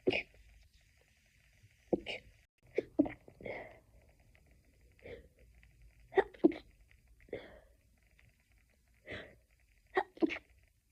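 About ten quick, muffled, held-in sneezes in close succession, some paired, with quiet gaps; a stifled sneezing fit.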